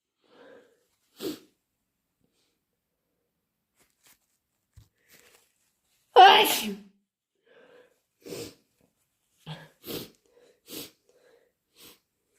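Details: Deliberately induced sneezes: several short, wet sneezes, with one larger forceful burst in the middle and quiet breaths between; sneezing.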